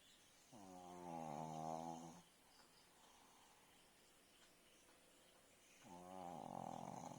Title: BIGGI THE PUG part-7 Snoring by BIGGI